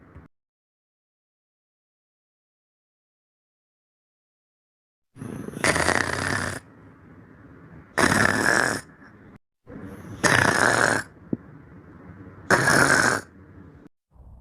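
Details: Four harsh, noisy snoring breaths about two seconds apart after a silent stretch, loud enough to wake a companion; snoring.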